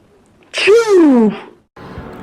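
A single loud sneeze: a sharp intake, then a voiced burst falling in pitch, followed by brief room noise.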